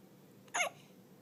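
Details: Newborn less than 24 hours old; a single short, sharp hiccup in a quiet room; hiccups.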